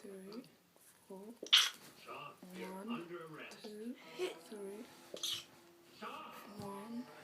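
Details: Dog sneezing repeatedly and continuously, cause unknown to the owner: two sharp, explosive sneezes with human voices talking in the background.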